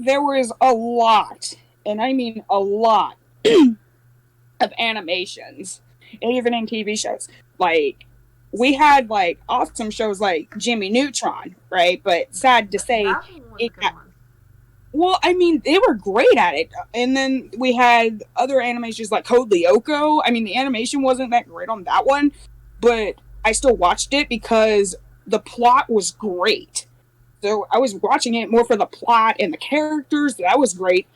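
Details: Adult speaker; normal speech.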